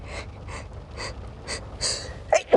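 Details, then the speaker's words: Acted sneeze in a spoken story of a character standing in pouring rain whose raindrops tickle her nose, with real rain in the background: several soft, breathy build-up sounds, then sharp sneeze bursts at the end. "I then continued to stand there in the pouring rain waiting for this strange sneeze to happen and finally I feel my eyes start to close and the Deep intense tickle began to get even more intense and finally I let out a sneeze"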